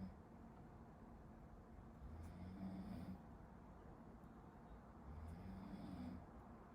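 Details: Person sleeping behind a medical student who is studying, heard in a study-with-me recording: faint, low rasping breaths about every three seconds behind steady room hiss; distant snoring.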